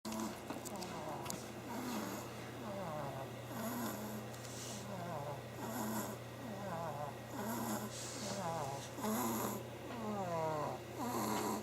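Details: Repeated rattling, wavering snores with each breath from a sleeping animal named Archer, over a steady low background hum; snoring.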